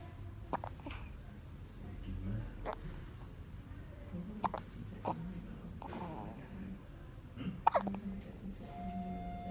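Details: A newborn baby's first hiccups: about five small, sharp hiccups at irregular gaps, with adult talk and room noise in the background.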